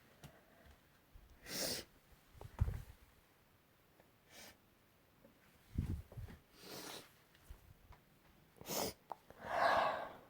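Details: Several short, muffled sneeze bursts with sniffs and breaths between, in a quiet small room; sneezing recorded last week.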